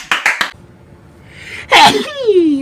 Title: sneezing compilation😂